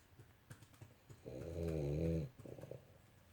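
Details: Ozzy, a small dog who snores all the time while sleeping, gives one loud, rumbling snore, with soft clicks and shuffles before and after.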